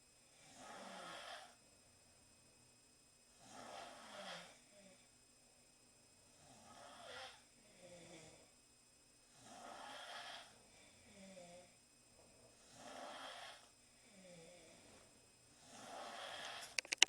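Repeated rattling snores with quieter breaths between, about six cycles, roughly 20 a minute, with several sleepers' snores overlapping.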